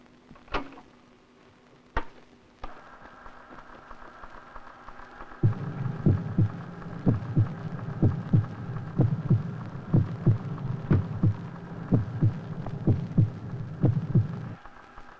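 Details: Electrocardiograph recording of an orphaned 5-year-old elephant at a capture compound: after a few clicks, regular low heartbeat thumps at about 62 a minute over a steady electrical hum; normal heart sounds.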